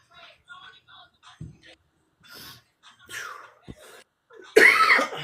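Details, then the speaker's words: Quiet murmuring and small breathy sounds, then one loud, harsh cough from a sick adult who feels the need to cough something up. "Oh goodness. I need to go like really cough it up is what I need to do."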